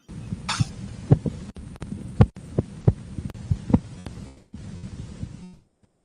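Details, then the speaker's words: Simulated Korotkoff sounds from an interactive student blood pressure trainer: soft regular low thumps over a steady hum as a slider simulates cuff deflation, with realistic sound simulation for learning blood pressure measurement. "Here is of our product showcase on how the students will use the products and learns taking blood pressure while they listen the croak of sound."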